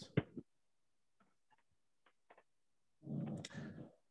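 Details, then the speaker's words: Snoring from a sleeping female bulldog in the background of an online lecture, heard after she followed her owner into the kitchen; ordinary sleep snoring. "by the way i don't know if you can hear this snoring in the background sorry but it's my it's my bulldog and i already she already kicked me out of my office because she was snoring there"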